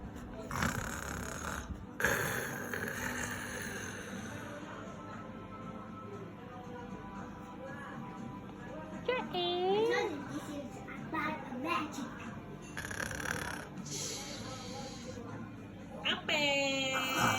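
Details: A child makes noisy, rattling snore-like breaths, broken up by brief high voiced squeals; snoring sounds.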